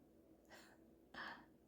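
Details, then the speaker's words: Two soft, airy snorting breaths from a sleeping Pomeranian dog: light snoring in deep sleep. "Y'all can hear but my Pomeranian is really having a good sleep. There he is snoring. Y'all hear that?"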